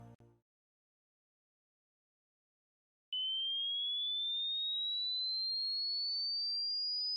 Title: Hearing Test